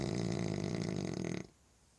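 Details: French Bulldog asleep after supper: one low, fluttering, rumbling snore lasting about a second and a half, then quiet.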